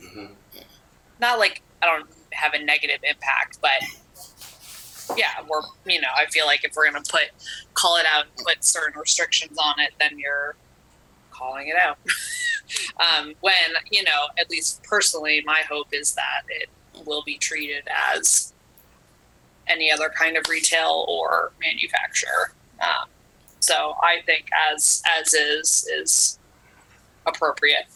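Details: Adult man with spasmodic dysphonia, which he calls basically localized epilepsy; he links his voice to a fall off a cliff in an extreme skiing championship that left his throat 'gunked up'. Finding: spasmodic dysphonia.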